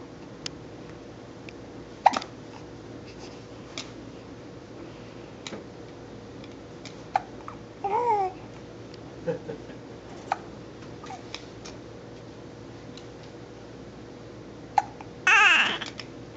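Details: Content baby with hiccups: brief sharp catches repeating every few seconds, with babbling and a short laugh; hiccups.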